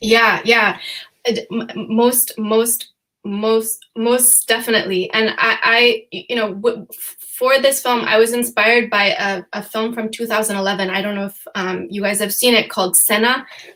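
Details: Stuttering in an adult female, real, who says she stutters sometimes, with repetitions of words and phrases, during a panel discussion.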